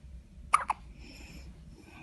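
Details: Newborn baby hiccups: two quick, sharp hiccup sounds close together over a quiet room hum.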